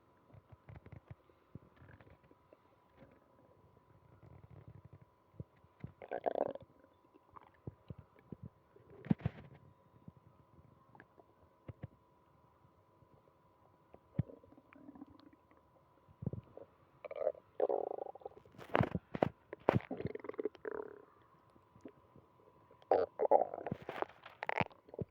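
Frequent gurgling, bubbling and rumbling abdominal sounds, consistent with hyperactive bowel sounds after diarrhea.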